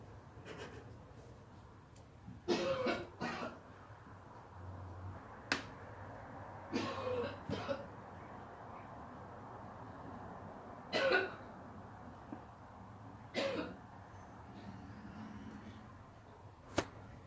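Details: Mother coughing: about six separate coughs, some in quick double bursts, with quiet room noise between them.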